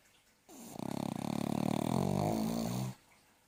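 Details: Sleeping dog snoring: one long, low, fluttering snore with a rapid rattling vibration through the breath; ordinary snoring.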